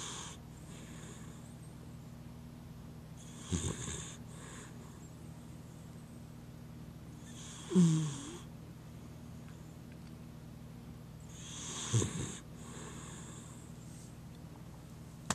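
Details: Deeply asleep individual, light snoring: soft, snorting breaths about 14 a minute over a steady low room hum.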